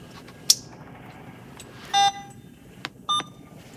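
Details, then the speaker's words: Two short electronic beeps, a click and quiet room noise from an Alaris 8100 infusion pump as a secondary cefazolin infusion at 100 mL/h is started after opening the roller clamp. "so we're going to push and twist open our roller clamp and then we're going to press start"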